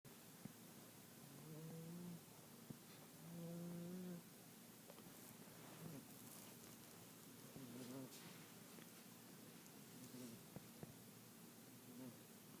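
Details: A female snoring softly and irregularly with a faint whistly, nasal tone under background hiss. Quiet snoring.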